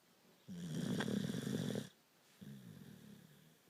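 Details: Dog sleeping on his back and snoring: two loud, rough, low rattling breaths, one long and one shorter.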